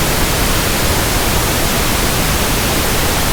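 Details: Pink noise sample for tinnitus sound matching and frequency comparison: a steady, soft, even static hiss with balanced low and high content, used to compare against persistent ringing or buzzing in the ears.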